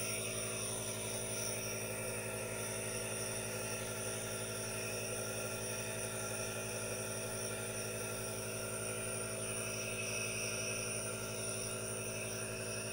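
Steady mechanical hum with a hissing spray sound, continuous and unchanging, from a running aerosol nebulizer.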